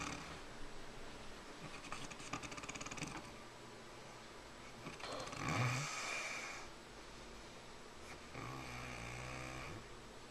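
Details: Adult snoring, recorded in 2011 with a Flip Video camera: rough, rattling breathing noise in a noisy room, with a louder snorting swell midway.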